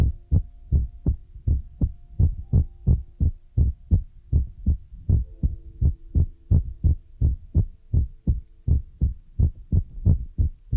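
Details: ASMR: steady low thumping beats at about 83 a minute with faint hum behind; heartbeat.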